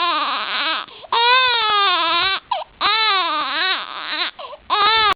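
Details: One-month-old infant girl: high-pitched rising and falling wails in repeated bursts with brief gasping pauses; infant crying.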